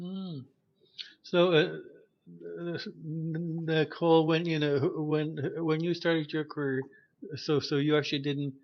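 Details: Stuttering in a male podcast host who says he stutters; repetitions are heard.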